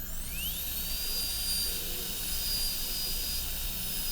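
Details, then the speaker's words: A high-speed dental handpiece cuts an MOD preparation on tooth 29 of an Acadental typodont in a teaching demo: a steady high-pitched whine with constant airy hiss. "Now we're just going to look this way, lean the burr a little bit lingually. Get about 1 millimeter depth."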